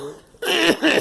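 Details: Girl giving two quick, voiced coughs in a row after a brief quiet moment.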